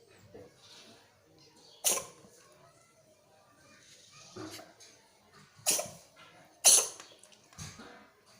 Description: Funny Pregnant Cats Sneezing